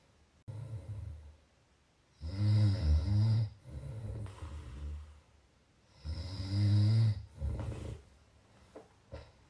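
Deep, rattling snores on each in-breath with quieter out-breaths, about 15 breaths a minute.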